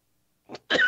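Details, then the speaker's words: Adult man with grass and pollen allergy gives two brief coughs, a softer one then a louder, harsher one, saying he sounds like a heavy smoker; cough. "I'm gonna cough again. Look, you about to cough again, man. Hey, hey, man. Hey, man. I sound like an old wino or drunk over here, man, or somebody been smoking 30 cigarettes."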